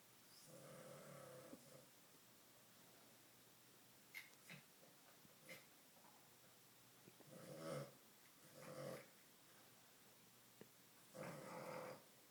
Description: My dog snoring like a grown man.